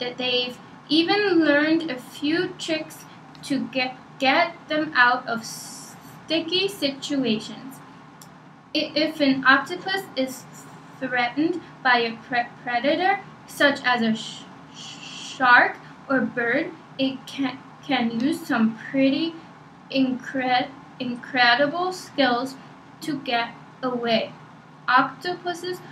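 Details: Female speaker reading aloud in a stuttering assessment; part- and whole-word repetitions; stuttering.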